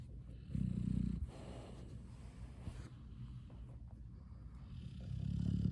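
Low, rough, fluttering breaths in at the start and end, with quiet breathing out between: snoring in a sleeping dog.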